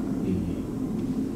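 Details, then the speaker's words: Egophony test during a pulmonary exam: the patient quietly says "e" repeatedly, and it stays "e" without changing to "a", so no egophony is heard. "When the patient says an e through a consolidated lung, that can change and sound like an a. So, if you just quietly say e for me."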